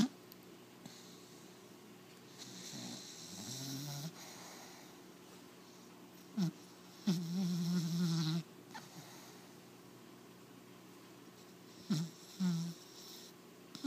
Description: My 4 month old American Pit Bull Terrier puppy snoring....